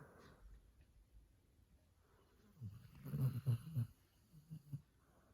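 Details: Sleeping dog snoring: soft, low snuffling snores, faint and irregular, with quiet room noise.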